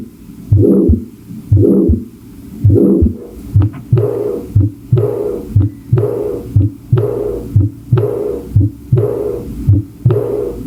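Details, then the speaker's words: Systolic murmur in a cardiovascular exam class: regular heartbeat near 60 per minute with a rushing murmur after the first heart sound. "bueno en en el video nos mostraban pues las algunas variantes tanto de soplos sistólicos decir que ahí está la válvula aórtica acústicamente ahí se escucha bien"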